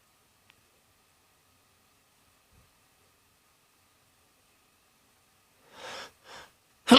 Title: Xmas spirit sneezes